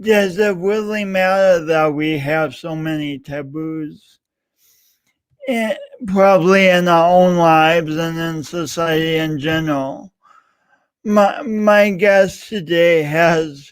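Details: Adult man with a self-described speech impediment of unnamed type; speech impediment.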